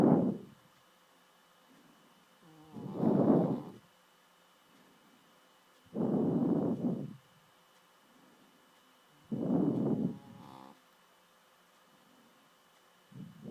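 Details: Adopted female dog snoring loudly enough to keep owner awake while sleeping: regular rough rumbling snores each breath, about 19 per minute, quiet pauses between; snoring.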